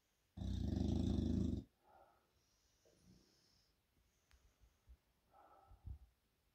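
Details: Snoring English Bulldog sleeping with eyes open: one loud, harsh rattling snort then softer snuffling breaths.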